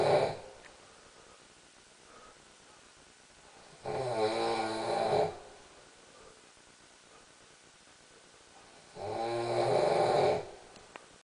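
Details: Loud snoring during sleep: two long rattling snores on inhalation with quiet pauses between, about 12 breaths a minute.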